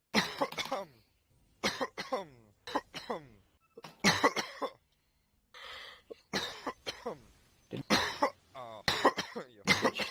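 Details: Adult gives repeated harsh, voiced coughs in short clusters of two or three, with a brief raspy breath or throat-clearing between bursts, during a video game session.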